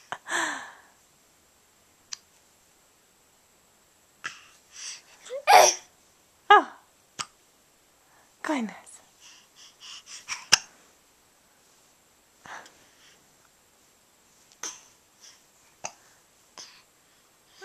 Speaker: Oh goodness Where did Those hick Ups come from